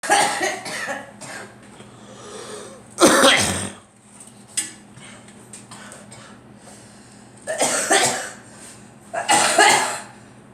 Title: Girl coughing